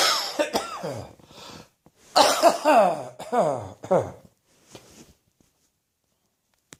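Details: Allergic cough in an adult: two short clusters of dry, throaty coughs during an allergy-related coughing spell.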